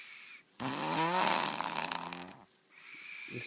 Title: Me snoring loud keeping my friend awake